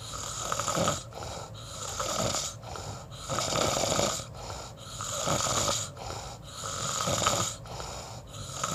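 Loud rattling snores with each breath, about 18 breaths a minute, in a quiet room.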